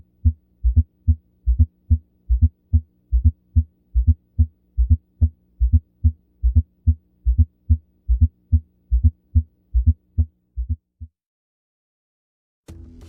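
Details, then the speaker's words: Regular low heartbeat near 72 per minute with a soft extra sound just before the first heart sound, a fourth heart sound (S4), linked to impaired diastolic ventricular filling and raised end-diastolic pressure. "все эти причины затрудняют диастолическое наполнение желудочка и ведут к росту конечного диастолического давления прослушайте аудиозапись 4 тонн звучит непосредственно перед первым фрицы столу"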